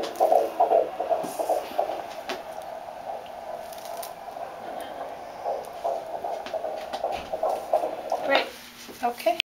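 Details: Fetal heartbeat heard on a handheld Doppler at 15 weeks 3 days of pregnancy, the first time heard: rapid rhythmic whooshing pulses at about 150 beats per minute.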